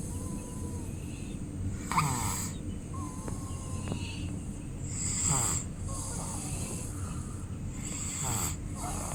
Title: Baby snoring (ख़र्राटे )😱 itne jor se kharrate #babyvoice #cutebaby #babysounds #babyvideo #snoring